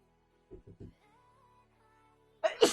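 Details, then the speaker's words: Soft quick breaths followed by an explosive natural sneeze at the end, over quiet background music, from a person sneezing repeatedly who says they may be allergic. "I'm warning you today I'm sneezing a lot and it's still it started to trigger me"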